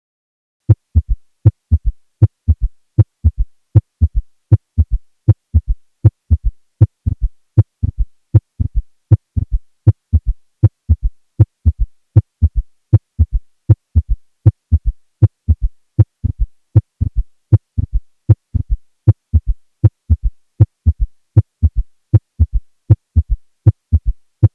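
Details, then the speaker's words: Teaching recording of a pathologic S3 gallop, linked to filling of a failing ventricle: regular heartbeat near 78 a minute with an extra soft, low thud just after the second sound. "is probably related to an abrupt acceleration of blood as it attempts to fill a failing ventricle resulting in vibration of the ventricular walls"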